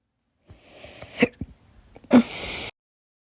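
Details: Hiccups after lunch at college and after dinner, slow and fast, audio only: short, abrupt catching sounds from the throat at irregular intervals, two sharper than the rest.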